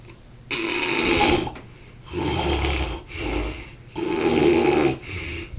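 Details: Snoring in sleep: loud, rough, rattling breath noises that repeat every couple of seconds with quiet gaps between them.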